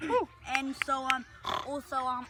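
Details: Person with Tourette's and motor tics making a grunting, oink-like vocalisation: vocal tic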